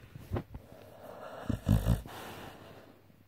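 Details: Sleeping pitbull snorting and snoring: short, low, fluttering nasal bursts, a few in quick succession.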